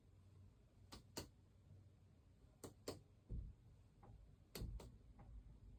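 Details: Head-to-toe exam, patient facing the wall, gown untied: paired finger-percussion taps over the back give hollow, low thuds in a quiet room; resonant percussion note with no dullness, normal.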